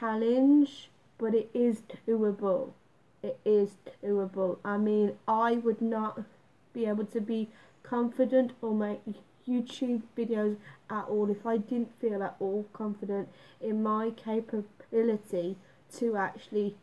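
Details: Woman living with a stammer that she says worsens with stress and for which she does exercises; finding: stuttering.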